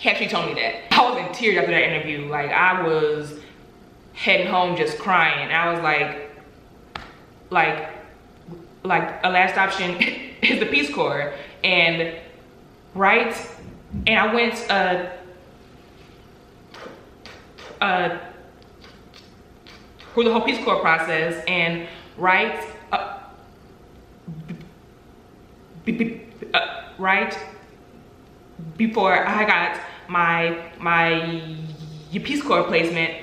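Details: Adult woman with stuttering, real and not acted; stuttering.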